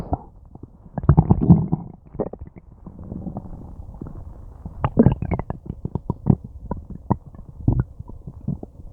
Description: I have no idea what I ate, but my stomach and intestines are having a tough time breaking it down, it's been growling and gurgling and groaning for a long time and it feels kinda nice ^-^